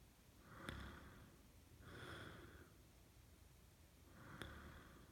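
Three soft, rough, airy sleep breaths in five seconds, two with a brief snorting click at the start; light snoring.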